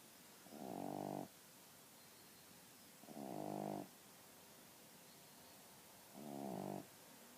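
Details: Three loud, buzzing snores at slow, regular intervals, each under a second, from a resting female pug; snoring.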